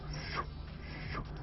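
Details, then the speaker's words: Vocal imitation of a carotid bruit: two soft whooshing rushes, the blowing sound heard with a stethoscope over a neck carotid artery narrowed by calcium or cholesterol deposits. "Podemos auscultarla y saber el ruido, hace como un soplo, uno pone el estetoscopio y hace..."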